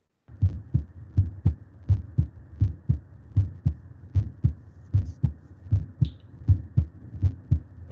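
Paired low thumps, lub-dub, repeating steadily at about 79 beats a minute with quiet gaps between: normal first and second heart sounds.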